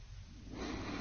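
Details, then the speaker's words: Simulated sleeper (model) in a sleep study demonstration: soft, even airflow breathing in and out with airflow and effort traces in sync, no snoring, gasping or pauses; normal breathing during sleep. "you can actually hear these correspond to the sounds of our model breathing in and breathing out"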